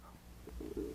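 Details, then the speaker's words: Woman's stomach growling while recording: a low, gurgling rumble rising into a drawn-out, cooing growl in a quiet room; ordinary borborygmi. "hi everyone it's with blessed bobles and as soon as I went to say hello my stomach went growl every time I record come on back you get listen to my stomach growling"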